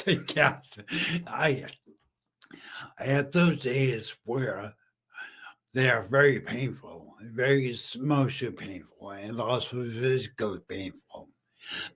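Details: Aphasia in a male stroke survivor about 15 years after stroke and brain injury; he was once mute, is half paralyzed and uses a wheelchair.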